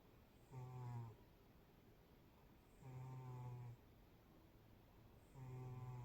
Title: Does your #cat #snore? #Yes 🥰 mine does #shorts #cute #sweet #kitty